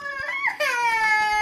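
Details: Baby startled by a blown conch shell lets out a sudden, high, sustained wail of falling pitch; ordinary startled infant crying.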